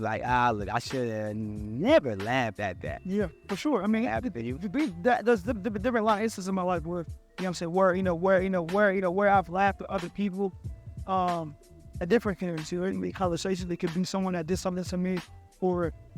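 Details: Stuttering in an adult podcast host who stutters, speaking conversationally.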